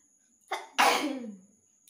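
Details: Single forceful sneeze after a short indrawn breath, deliberately induced by tickling the nose with a cloth during a sneezing/nose-blowing challenge; person says they rarely catch colds.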